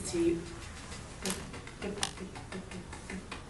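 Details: Archive recording of a 25-year-old woman who has stammered for as long as she can remember: stuttering.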